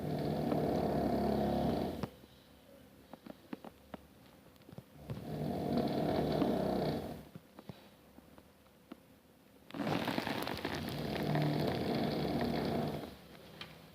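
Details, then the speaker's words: Adult man snoring loudly at bedtime: deep, rumbling snores lasting two to three seconds each, about three in fourteen seconds, with quiet gaps between. "My husband is snoring. He's loud."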